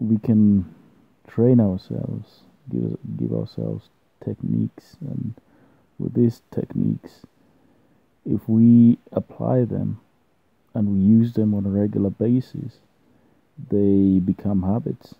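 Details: Stuttering (stammering) in an adult man, present since birth, partly controlled with self-learned fluency techniques.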